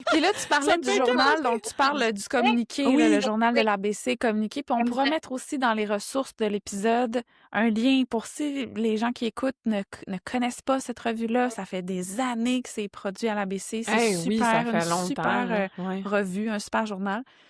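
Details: Adult woman speaking French; typical speech.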